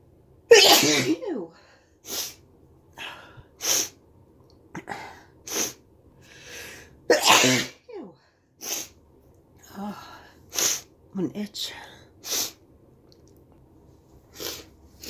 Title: Induced end of cold sneezes 🤧